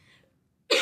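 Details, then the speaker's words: Speaker with a slightly hoarse voice blamed on cool weather: a faint breathy sound, a pause, then the start of a sharp cough or throat-clearing burst. "désolé mais il fait un peu frais en belgique et du coup j'ai la voix un peu enrouée mais ça va aller"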